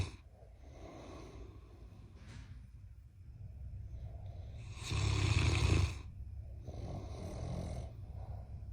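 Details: Loud snoring from a sleeping giant Mastiff puppy (and a husband): low, rumbling snoring breaths against room noise, with one louder snorting snore midway.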